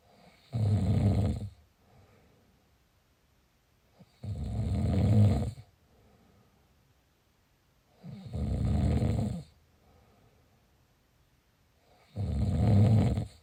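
Loud, low rattling snores at about 15 breaths a minute, each lasting about a second, with quiet gaps between.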